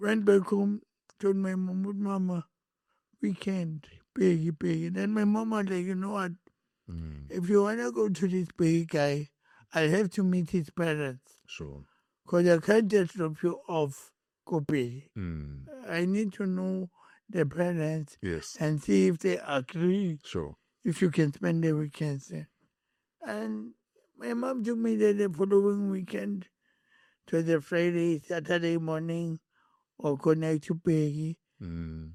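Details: Adult male born with cerebral palsy, later with a head injury from a June 2000 car accident that further affected speech, walking and left-ear hearing; dysarthria.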